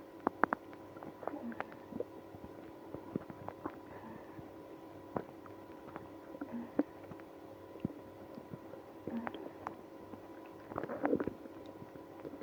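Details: Quiet gurgles and clicks with a brief louder rumble near the end, after drinking milk and prune juice in a person with IBS; stomach growling, bowel sounds.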